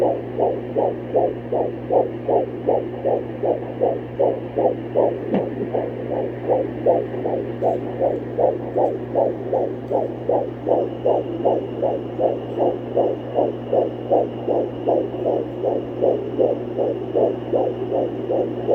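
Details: Fetal heartbeat on Doppler at almost 17 weeks pregnant: fast, regular whooshing pulses about 158 per minute over a steady hum; normal fetal heartbeat.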